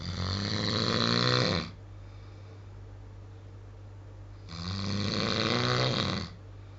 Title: Snoring at his best